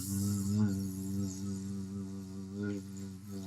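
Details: 67-year-old man with weak voice after recent thyroid surgery, sustaining /z/ as long as possible for the s/z ratio task assessing vocal fold closure and breathing; post-thyroidectomy dysphonia.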